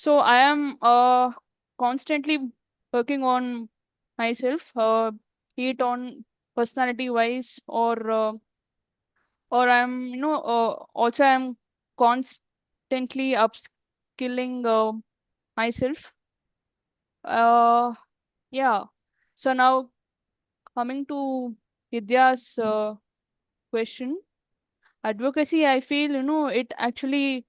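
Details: Adult woman who stammers, speaking in a real podcast interview; stuttering.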